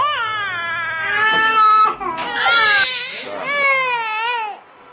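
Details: Infant crying.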